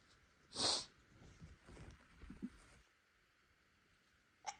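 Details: Induced sneezing fit in a person without allergies whose nose seemed sensitive after spicy food: one sharp hissing sneeze, soft breathing, then a smaller sneezy sound.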